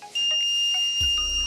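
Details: Steady high-pitched electronic alarm tone from a Vyaire LTV 1200 ventilator as it shuts down after the power button is held for three to five seconds: a ventilator shutdown alarm beep.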